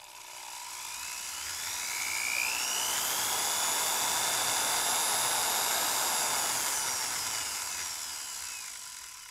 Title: Dentist Drill / Dentist, Drill On, Run, Off